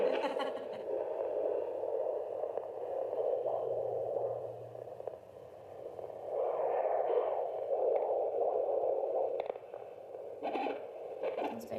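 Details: Fetal heartbeat on handheld Doppler at 15 weeks of pregnancy, found by a student midwife: rapid rhythmic whooshing pulses, described as very clear for so early.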